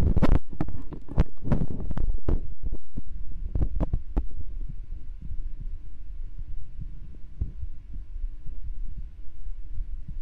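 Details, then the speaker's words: A female streamer's own resting heartbeat for ASMR via a chest microphone, not raised by exercise and which she calls a little low: loud thumping beats over a low hum, somewhat irregular in spacing. "Well, yeah, so the heartbeat is a little bit low. It's because it's not pumped up."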